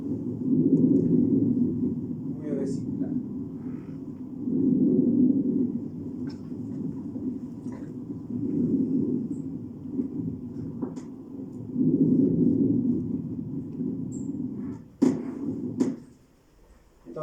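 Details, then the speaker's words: Vesicular breath sound heard at the lung periphery: predominantly inspiratory, with a very faint, often inaudible expiratory phase. "es la expiración no inspiración la inspiración es muy bajita y a veces ni la escuchamos Entonces elular es un sonido eminentemente inspirator"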